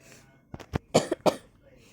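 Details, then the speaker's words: Person with COVID-19, day 3, positive antigen rapid test yesterday, no fever or runny nose, feeling sleepy, in a dark room: a short run of about four dry coughs; cough. "yeah and i'm still coughing i got no fever and no running nose"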